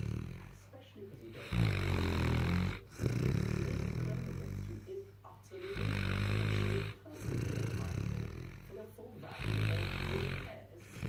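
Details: Frank, a sleeping St Bernard–mastiff puppy with his tongue hanging out, gives loud, rough, rattling snores steadily with each breath, about four a few seconds apart; heavy snoring.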